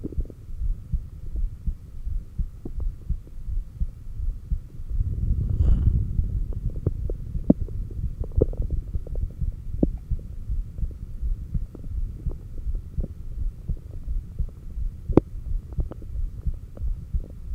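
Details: Low heartbeat thumps at about 85/min through a stethoscope at the cardiac apex during breathing, exhaled (stomach vacuum) and inhaled breath-holds with straining; some rubbing and breathing noise; normal heart sounds.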